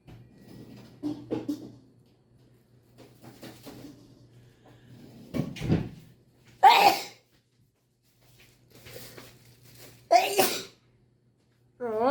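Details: Rustling and soft sounds, then two sharp sneezes several seconds apart, set off by a nasal swab during a COVID self-test.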